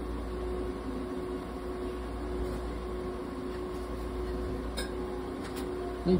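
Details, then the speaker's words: Budgerigar (Tama) treated in a veterinary ICU incubator with warmth, humidity and oxygen therapy: a steady mechanical hum with a faint tonal whine and occasional light clinks. "接生インコたまちゃんの治療の様子です。ICU 内で保護室酸素療法を行っています。"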